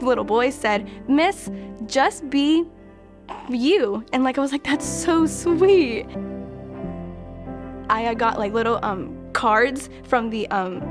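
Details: Young adult female college graduate who stutters and takes part in a university stuttering treatment program; stuttering.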